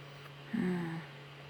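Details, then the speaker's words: Bowel sounds (borborygmi) in an adult with IBS and stomach pain: a single brief, low, squeaky gurgle from the belly over a steady electrical hum. "You can hear my stomach. Sorry about that, yeah. Bloody hell, my microphone's good, isn't it? Rumbling and gurgling. It always gurgles."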